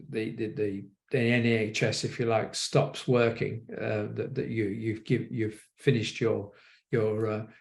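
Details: Aphasia following a stroke in an adult man.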